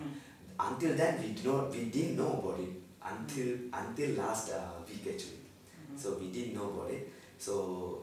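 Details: Normal male voice pitch in an adult man after 5 days of voice therapy for puberphonia.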